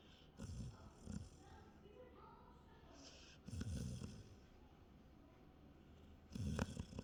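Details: Snoring: soft, low snuffling snores recurring every few seconds over quiet room noise, likely a sleeping pet.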